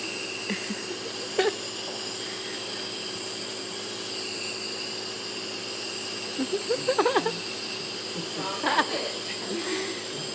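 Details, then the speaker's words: Steady hiss of a running nebulizer giving albuterol to a young girl, with a faint motor hum and brief soft child sounds. "We're on the same medication, alright? It's just albuterol, same bubble."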